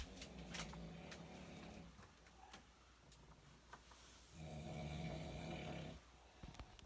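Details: Nephew sleeping: loud, rattling, low snores on breathing in, with quieter breathing between, in a small room; heavy snoring.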